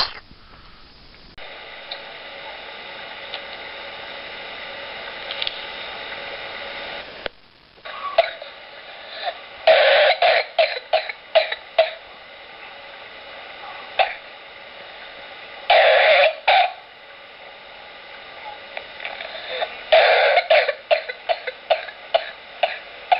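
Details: Real patient coughs from pertussis (whooping cough): three bouts of rapid, repeated coughing paroxysms, heard as a child's.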